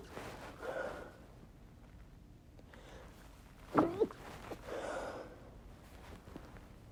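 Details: Sharp breathy in-breaths, then a muffled, squeaky burst held back through the nose: a deliberately stifled chhinkni sneeze.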